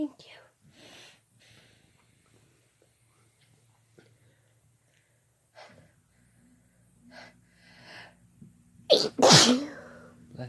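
Soft voices and breaths lead up to loud, overlapping sneezes from two adults. These are ordinary sneezes.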